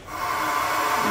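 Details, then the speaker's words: Veterinary anaesthetic machine: steady rushing hiss as the red emergency oxygen button on top is pressed, sending pure oxygen from the cylinder into the circuit. "there you'll notice on the very top of the anesthetic machine there is a a red knob um if we press that"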